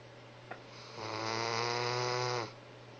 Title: Snoring baby.